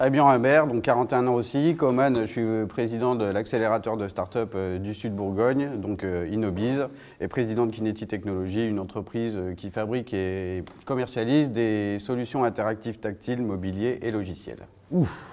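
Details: Adult man speaking French; normal speech.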